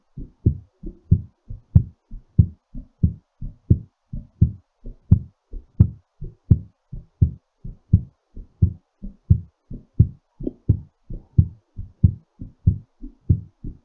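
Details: Regular paired heart sounds at about 90 beats a minute, a mildly raised rate during recovery from exercise; normal heartbeat after exercise.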